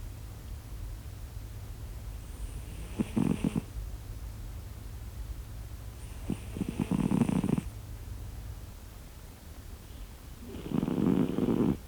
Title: Ich glaub es nicht, diese Katze schnarcht! | I can't believe it! This cat snores!